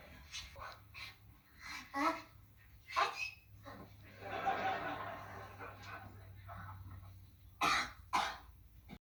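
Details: Cartoon soundtrack in which a character says they have an awful cold: a few short, harsh throat-clearing and cough-like bursts between quieter vocal noises; throat clearing.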